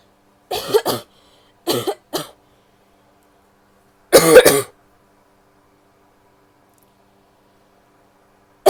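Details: Several harsh coughs from a female, in short clusters, about five or six in all, separated by quiet pauses.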